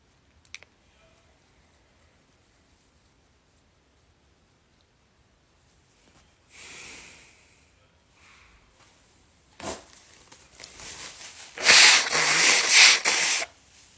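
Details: A congested person with a runny nose pokes a pointed tissue into the nostrils to try to trigger a sneeze. After a quiet stretch come sharp nasal sniffs and loud, forceful snorting bursts, but no sneeze; snorting.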